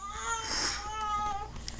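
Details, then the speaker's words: Infant crying: a baby's high-pitched, wavering cry, sustained through a small room. "so there's my little draw your life as you can hear my baby's crying so I'm going to have to get off here"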